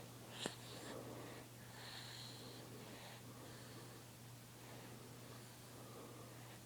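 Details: Soft, quick, slightly snorty breaths from a sleeping baby girl who was really tired, over a low steady room hum; gentle infant snoring.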